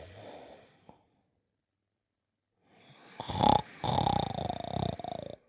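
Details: Performed snoring by a sleeping character in a children's TV programme (1988-1992), not a real sleeper: a rough, rattling snore on a drawn-in breath after a pause.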